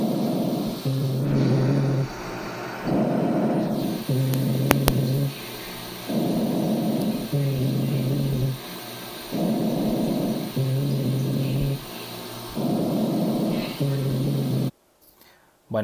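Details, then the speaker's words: Rhonchi: low-pitched, snoring-like rumbling with each breath, about 15 breaths a minute, heard on chest auscultation over the trachea and main bronchi (large-calibre airways), predominating in inspiration, in a respiratory exam teaching demonstration. "entonces este sonido lo podemos encontrar o si lo encontramos lo podemos catalogar hacia los bronquios de mayor calibre como hemos visto"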